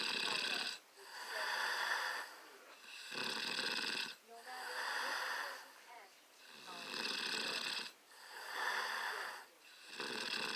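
Rhythmic, buzzing snores that rise and fall with each breath, about one breath every three seconds, with quieter gaps between them.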